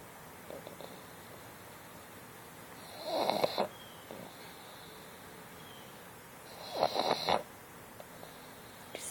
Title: Otis chilling and snoring